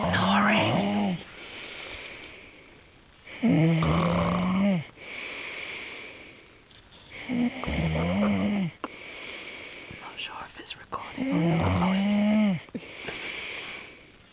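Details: Loud, rattling snores on each breath in, roughly 16 a minute, with quieter breaths out between them: heavy snoring.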